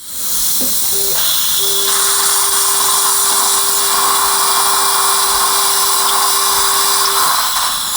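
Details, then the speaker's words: Implant-site drilling in a 63-year-old male, upper tooth 16, OneGuide surgical guide with palatal GBR: steady high-pitched drill whine over room hiss, 4.5×10 mm drill done, poor bone quality; dental implant drill. "4.5 by 10 millimeter drilling is done bone quality is not very good ps3 5.0 by 10 millimeter is going to be done and final drill is going to be done up to 4.5"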